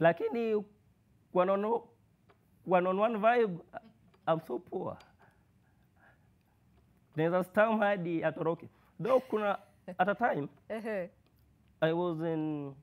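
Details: Male university student who has stammered since birth, with blocks, prolongations and repetitions; worse when anxious or in public; stuttering.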